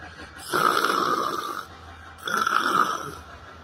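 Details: Person sleeping while sitting on a library bench, with yoga and meditation mentioned: two long, rough, rattling breaths of about a second and a half each, with a quiet pause between. Loud snoring.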